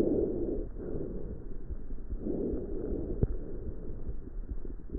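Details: Normal breath sounds recorded with a StethoMe home stethoscope: soft, low rushing sounds rising and fading evenly with each breath.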